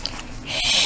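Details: Child with a cleft-related speech disorder (velopharyngeal mislearning) working on SH; after the single added cue to feel air leave the mouth, the child produced the sound orally and successfully; oral sh sound after cueing.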